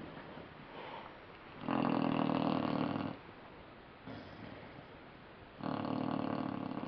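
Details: Sleeping puppy snoring: two buzzy snoring breaths, each lasting over a second, separated by quiet breathing.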